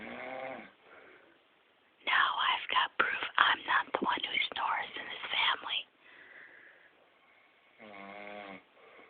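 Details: Snoring in a sleeping father: a rough, fluttering snore on the breath in, with quieter breathing sounds around it.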